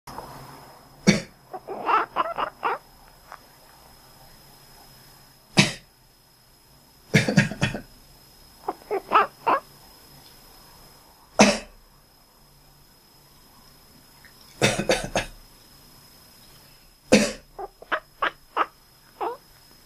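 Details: An adult gives about eight short, sharp coughs. Each cough is followed by clusters of brief, quack-like chirps from a cat. Cough with the cat answering.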